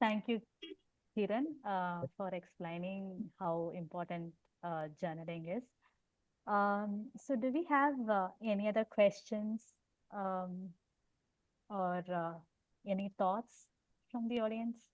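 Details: Adult woman who stammers and also has unilateral hearing impairment; stuttering.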